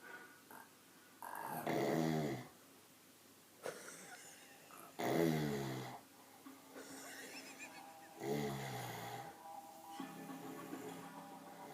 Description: My lad snoring, but the faces he pulls is too funny